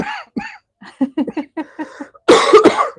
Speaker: I still have my cough, Chris, so you're going to hear it every once in a while.